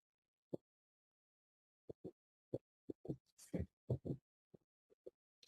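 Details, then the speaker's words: Teaching recording of a third heart sound (S3): low, dull heart sounds with a faint extra thud during rapid ventricular filling, immediately after the second heart sound. "A ver, vamos primero con el tercer ruido. ¿Dónde lo debemos escuchar? En llenado ventricular rápido, inmediatamente después del segundo ruido."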